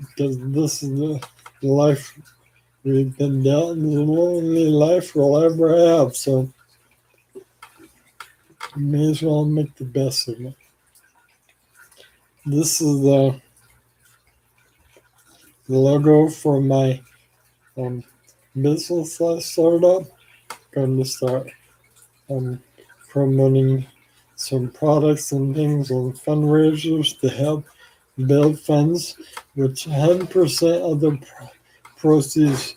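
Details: Adult man with ALS, 4 years after diagnosis and 14 years since symptom onset, with weakening arms and saliva and phlegm buildup; slurring speech, possibly hard to understand; dysarthria (ALS)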